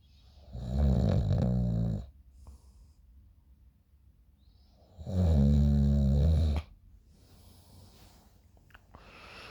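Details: Person snoring in the morning while asleep: two deep, rumbling snores about four seconds apart with quiet breathing between, roughly 13 breaths a minute; recorded by a friend.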